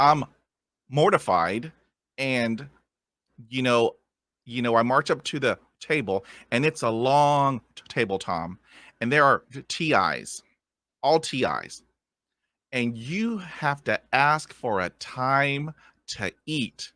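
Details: Adult man who has stuttered all his life, speaking in conversation, with audible repetitions; stuttering.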